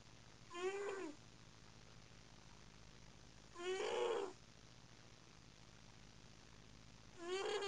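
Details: A black and white cat snores loudly, like muffled screaming: high-pitched, whining snores about half a second long on each breath, about 18 a minute, over quiet room hiss.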